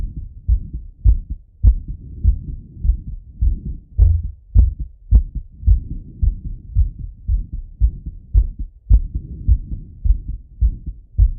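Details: Strong, fast lub-dub heartbeat at about 105 beats a minute with some rubbing noise, heard through a stethoscope as an adult male auscultates his own heart after a workout set: normal heart sounds after exercise.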